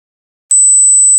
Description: In this video you can listen to 4 frequencies - 8khz, 12khz, 15khz and 17.4khkz and the age group for each shows up as it is playing.